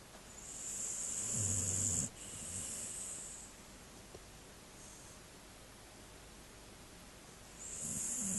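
Noisy, rattling breath sounds with a loud hissy component and a low throaty rumble in two bursts, fitting a snoring dog.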